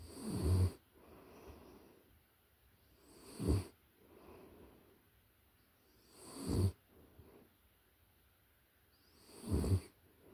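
Soft, rhythmic snores from a sleeping puppy, about 20 a minute, with quiet breaths between them. Ordinary sleep snoring.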